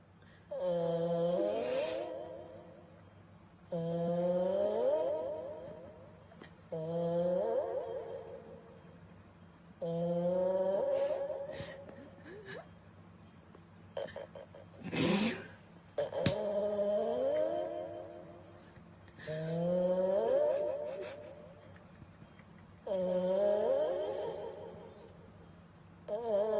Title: Cat snoring in the microphone